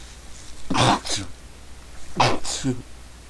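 Two sharp, explosive bursts, each with a quick intake before it, heard in a small room; repeated sneezing.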